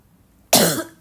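One abrupt, harsh cough with a hoarse, barky quality, typical of upper-airway irritation.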